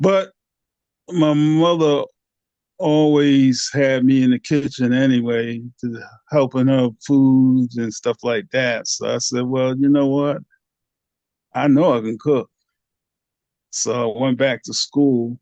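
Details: Aphasia in a 67-year-old man, a 9-year stroke survivor after two strokes (January 2015 and March 2016), affecting speech, understanding, reading and writing.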